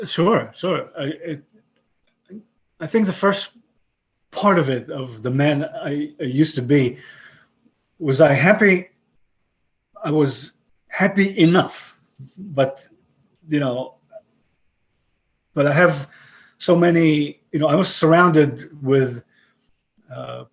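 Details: Aphasia after a stroke about 11 years earlier in a 62-year-old man; English and Hebrew retained in broken form, other languages lost.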